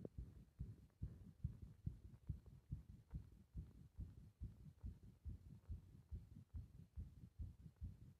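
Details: Heart sounds recorded with pressure (compression), from a recording where rhythm becomes irregular on breath-holding: muffled low paired thumps, roughly 70 a minute, fairly steady in this stretch.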